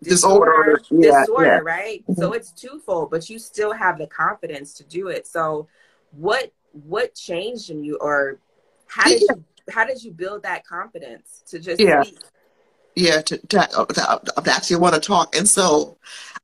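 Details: Adult host speaking conversationally; typical speech.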